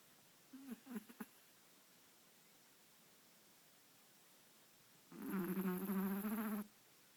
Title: Marshall The Chihuahua Snoring